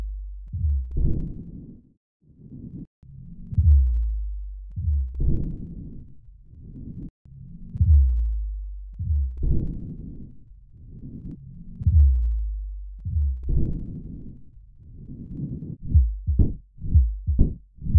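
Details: Low, rumbling heart sounds with sharp beats and a low diastolic rumble, presented with a simplified 3D animation: mitral stenosis murmur.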